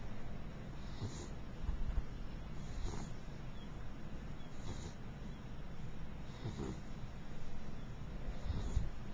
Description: My mixed beagle Princess snores when she sleeps.